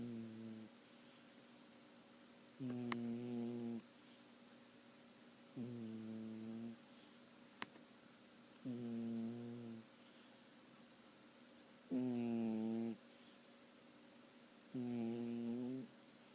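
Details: Skitty asleep: regular tonal, buzzing snores on each breath in, about 20 a minute, with quiet pauses between; snoring.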